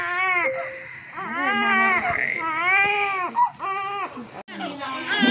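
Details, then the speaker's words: Newborn boy, a third child, just delivered after induced labor at 38 weeks without an epidural, came out hollering: loud, strong, repeated crying bursts; a vigorous newborn cry. "Not missing the third one. He came out hollering."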